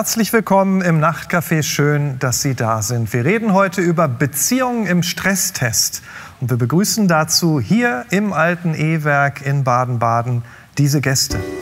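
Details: Adult male talk show host; typical speech.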